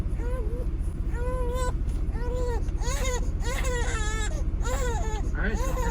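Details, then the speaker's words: Three-week-old newborn boy screaming in the car, which has never happened before: repeated loud, high-pitched wailing cries over steady engine rumble; infant crying. "okay this has never happened before he's screaming"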